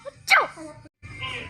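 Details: Small sneeze, round 10: a single short, sharp sneeze followed by quiet noise.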